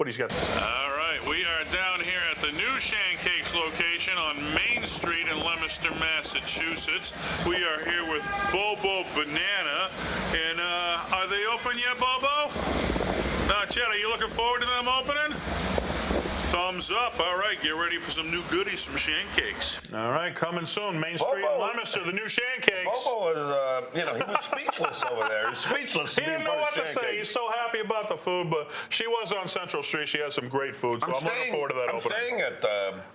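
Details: Adult speaker; ordinary speech.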